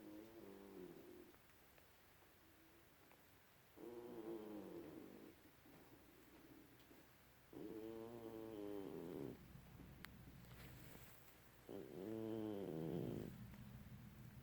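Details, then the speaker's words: Loud rhythmic snores from a sleeping cat, four long droning breaths with a buzzing, fluttering tone over background hiss; snoring. "Hi, Mama. Did you know you was snoring? Did you know? I love you."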